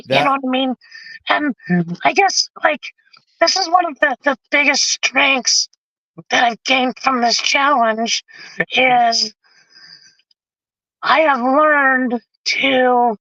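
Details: Adult male with vocal cord paralysis from a severe injury; tracheostomy removed after 2 months; a scope still shows paralysed cords; he has spoken this way for 25+ years.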